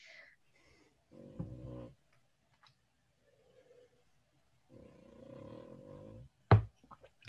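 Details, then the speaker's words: Two low, rattling snores a few seconds apart, then a sharp knock in a quiet room; an old, chunky Cavalier King Charles spaniel snoring asleep under a desk. "you guys can't hear my dog snoring in the background can you yeah i was trying really hard not to start laughing but is that benny snoring that's benny snoring yeah he's under my desk"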